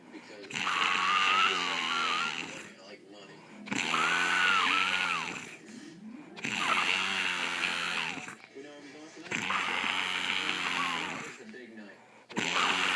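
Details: Girl snoring loudly while relaxing after a fun night: loud, rough, rattling snores about 20 a minute, each lasting a couple of seconds with quiet gaps between.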